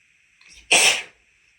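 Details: A short indrawn breath then one sharp explosive sneeze at the end of a male's long allergy-triggered sneezing fit after visiting a house with a cat; sneezing.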